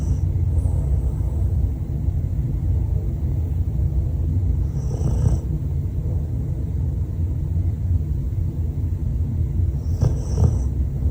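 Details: A sleeping dog gives a steady, low, rumbling snore with a couple of brief soft snuffles: ordinary dog snoring.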